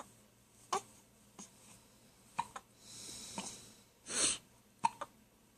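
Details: Abrupt little throat clicks about every second, with a soft breath and rustle between them, heard at night in the bedroom while she was awake and her dad snored: hiccups.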